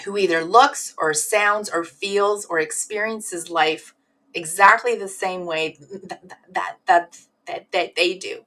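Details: Adult woman who stutters, assessed as severe in her teens, with sound repetitions and word repetitions — stuttering.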